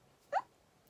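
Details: Woman with Tourette syndrome demonstrating a noise tic that developed after an earlier screaming tic, with small head movements; vocal tic (Tourette syndrome).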